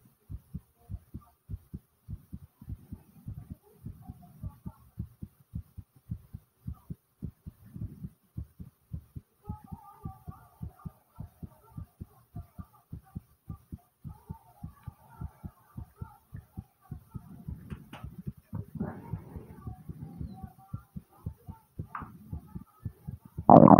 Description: In this video my heart is beating super fast and pounding hard after some squats